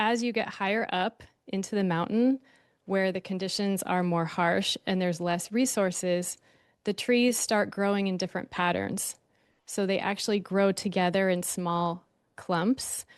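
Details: Adult woman speaking; typical speech.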